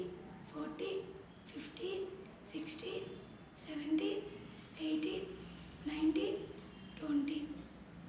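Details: Dysphonia in a female patient before voice therapy, with a hoarse, breathy, high-pitched voice while counting from 1 to 20.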